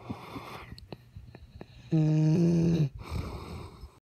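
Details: Sleeping dog: quiet breathing, then one loud, low, droning snore lasting about a second; snoring.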